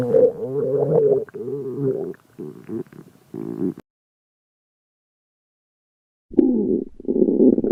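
Loud gurgling, groaning growls in bursts with a pause between; ordinary stomach growling.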